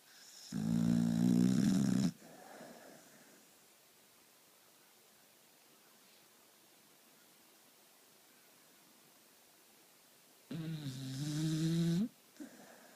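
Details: Two long, loud, buzzing snores on breathing in, with a quiet pause of about eight seconds between them; snoring.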